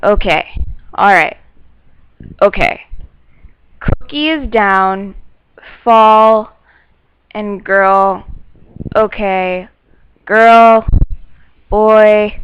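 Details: Adult speaker; nonfluent aphasia.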